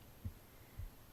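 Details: Normal heartbeat recorded on the left side of the chest while reading aloud: soft, regular low thumps about 0.45 seconds apart, roughly 130 per minute briefly, with steady room hum.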